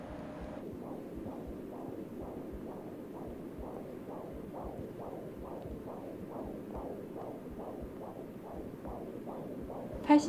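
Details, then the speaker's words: Acted drama scene, 9 weeks pregnant: rapid, regular whooshing fetal heartbeat on Doppler, about 130 a minute; fetal heartbeat. "Es hat sogar einen Herzschlag. Ehemann, das ist der beste Ton, den ich je gehört habe."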